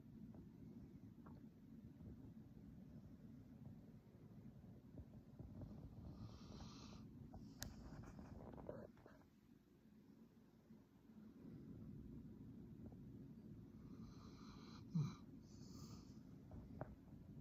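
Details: Snoring in a sleeping Labrador dog: a steady, loud, low, rumbling snore running almost continuously with a brief pause midway.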